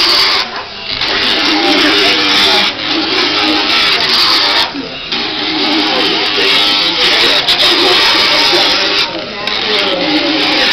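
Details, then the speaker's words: Loud continuous grinding buzz with brief dips as the tool shifts: a motorized dental float rasping a horse's back teeth after the front two; described as causing vibration, not pain, to the tooth. "there is no pain on his tooth there's just a vibration and he'd rather be out munching and running"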